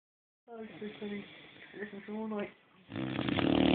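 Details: Boxer dog snoring: short pitched, whining snore sounds, then a loud rough rattle on inhalation, typical of a flat-faced dog snoring.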